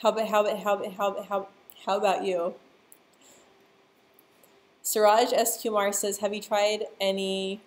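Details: Adult speaker; stuttering.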